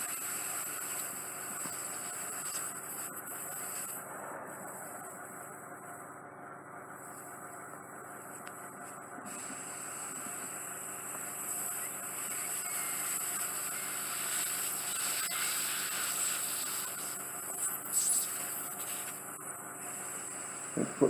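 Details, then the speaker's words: Home-visit ear wax removal, fully occluding soft wax in the right ear, deep wax settled onto the eardrum: steady hiss and hum of a suction machine running, pitch shifting as suction changes. "lots of stuff I'll just get the suction machine"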